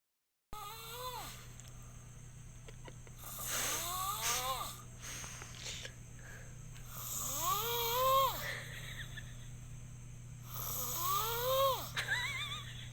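Breathing noises about every three to four seconds carry rising and falling whistling tones over a steady background hum: whistling snoring.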